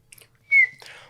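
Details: Vocal tic (whistle) heard mid-sentence while speaking, in an adult male with Tourette's diagnosed suddenly in his mid-twenties; vocal tics occur throughout.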